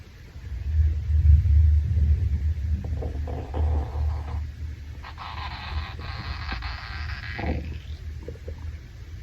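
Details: Male stomach growl after a shower, originally uploaded as "Hungry": low rumbling and gurgling abdominal sounds with a few higher squeaky gurgles, ordinary stomach growling (borborygmi).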